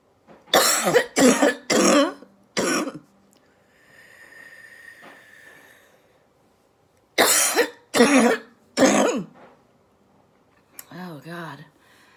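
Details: Productive cough during COVID-19 recovery at home with airway clearance; productive cough.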